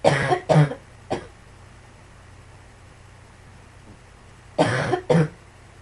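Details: Five short coughs in a quiet room, a pair and a single, then a pause and another pair; plain repeated coughing.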